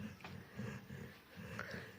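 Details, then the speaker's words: Dog Bruno in deep daytime sleep around 3 pm after eating rice, not woken even when tapped: low, rumbling, rhythmic snoring like a human's, with soft breathy phases between snores; snoring. "ഇപ്പൊ ദേ ചോറുണ്ട് കൂർക്കം വലി മനുഷ്യന്മാർ ഇങ്ങനെ വലിക്കുന്നുണ്ട് പക്ഷേ ഇത് ഇവൻ എന്താ പറഞ്ഞേ"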